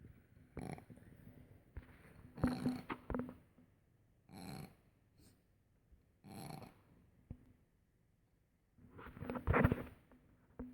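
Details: Cat's noisy, rasping breaths with a faint whistling edge; wheezing.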